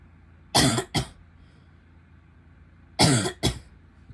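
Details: Female coughing, with some spitting in the recording: two pairs of sharp, forceful coughs, four bursts in all, against quiet room noise.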